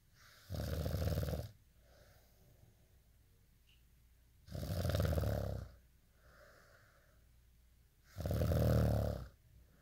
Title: day in life snoring asmr sound 243